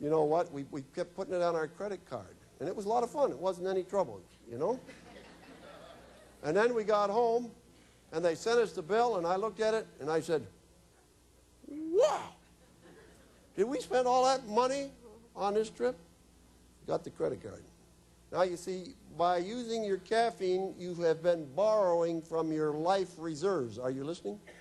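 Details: Woman whose larynx was removed, followed by radiation then chemotherapy, speaking with a battery electrolarynx held against her throat: electrolarynx speech.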